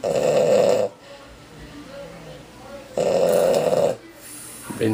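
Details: Loud snoring from a man, described as overweight, asleep on Christmas night, December 2010.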